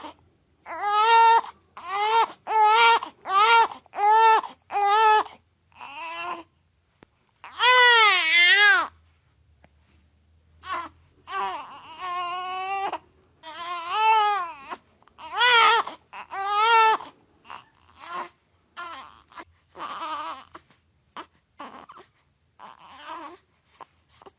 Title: BEBÉ llorando / Efectos de Sonido / Crying Baby